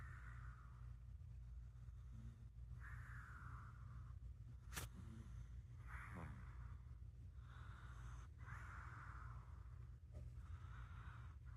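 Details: Loud snoring from a sleeping cat.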